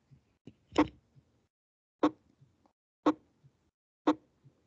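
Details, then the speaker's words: Isolated first heart sound (S1) alone, with no second sound, from a teaching playback: sharp single beats about once a second at the start of systole, heard loudest over the mitral and tricuspid areas. "Ahorita les voy a poner únicamente el primer ruido, no va a haber segundo."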